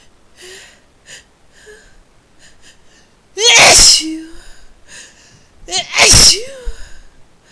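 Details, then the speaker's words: Sneezing set off by a spice, usually forceful and desperate: soft inhaled catches, then two loud explosive sneezes with sharp high-pitched burst and voiced trailing sound; afterward needs to blow nose. "Need to blow my nose now. Those were huge."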